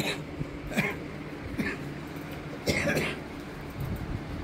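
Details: Several short throat-clearing coughs with room noise from a 57-year-old patient with a chronic cough of years, diagnosed as chronic allergic cough; X-ray shows prominent bronchovascular markings; chronic cough.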